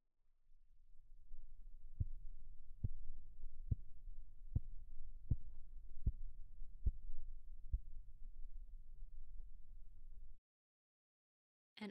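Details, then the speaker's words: Blood pressure measurement example for identifying Korotkoff phases against the manometer reading: eight regular tapping sounds at about 75 a minute over low cuff rumble, then fading away; Korotkoff sounds. "in the following example please listen for the various phases of the Korat cough sounds while you observe the reading on the manometer"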